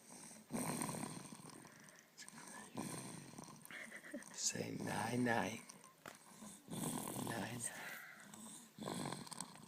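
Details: Loud snoring: rough, growling breathing noises in repeated bursts, with some background talk.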